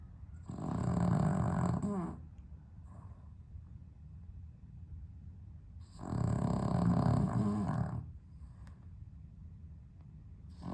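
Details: Loud, rumbling two-second snores with quiet pauses of several seconds between breaths from a sleeping dog with sleep apnea, improved on heart medication, on a very hot 32°C day in London without air conditioning.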